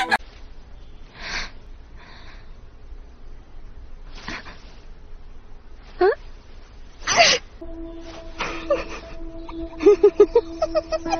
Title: Eclair Feather Sneeze